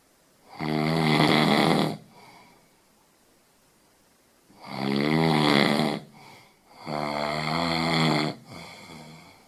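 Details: Snoring.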